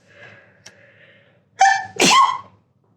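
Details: Sneeze from an adult sorting through old, dusty stored costumes, apparently triggered by the dust.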